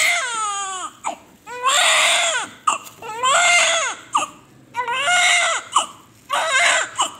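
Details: Newborn just after normal delivery, stable, being quickly cleaned: loud, repeated cries, about five bursts with quick breaths between; strong, vigorous newborn cry.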